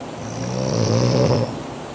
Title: Is it wrong to snore like this? Funny videos in rural areas #17